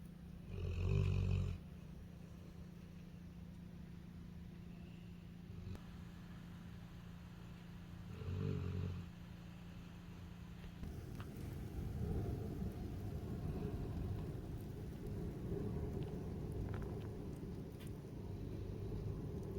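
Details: Sleeping puppy snoring: two low, rumbling snores a few seconds apart, then a continuous low rumble, over steady room noise with wind outside.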